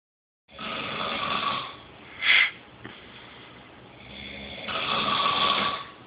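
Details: Two long, harsh snores on breathing in, with a brief snort between them, in a quiet room; someone snoring, keeping another person awake.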